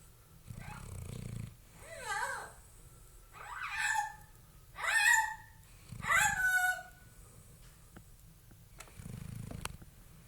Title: snores 2.24.2012